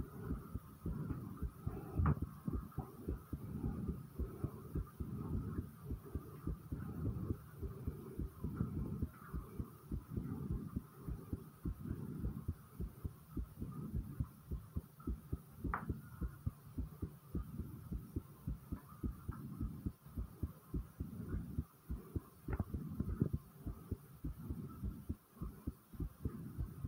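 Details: Rapid, muffled low thumps of a person's own fast heartbeat, about 105 beats a minute, faster than resting; tachycardia.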